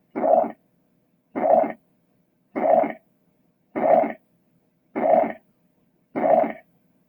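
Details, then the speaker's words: Holosystolic murmur of mitral regurgitation, best heard at the mitral area (apex): regular, even blowing murmurs starting at S1 and keeping the same intensity through all of systole, at about 50 beats a minute. "the murmur starts at S1 when the AV valves close and maintains the same intensity for the entire duration of"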